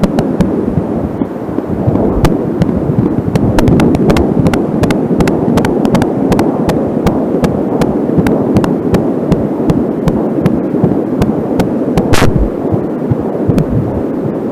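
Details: Home Angelsound fetal Doppler recording, fast whooshing beats about 160 a minute (fetal heartbeat) with random static from the cable; slower beats at times are the mother's own pulse from a nearby artery; fetal heartbeat.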